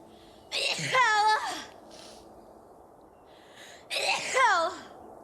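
Two sneezes, each a sharp indrawn breath then a loud voiced burst, a few seconds apart, in a quiet room.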